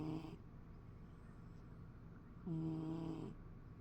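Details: Quiet snoring: two soft, droning snore sounds a couple of seconds apart over background hiss.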